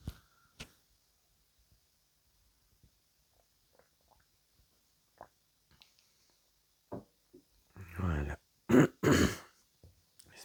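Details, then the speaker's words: Adult woman with a deeper voice since vocal cord damage from a past illness gives a few loud, rough, voiced throat-clearing bursts after faint clicks, in a small room. "excusez-moi mon chat est à côté de moi et j'ai un gros chat dans la gorge je vais reboir un coup peut-être que ça va aller mieux"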